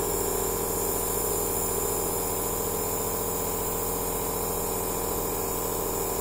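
Steady loud hiss over a buzzing, pulsing compressor hum with no pauses: a nebulizer machine running continuously.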